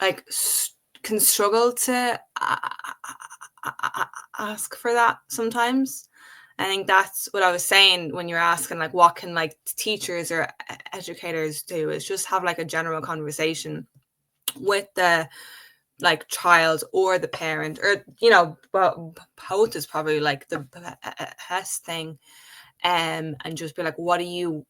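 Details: Speech of an adult woman who has stuttered since age five; stuttering.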